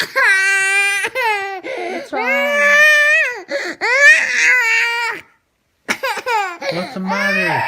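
A young child crying in loud, tonal wails broken by catching breaths and sobs.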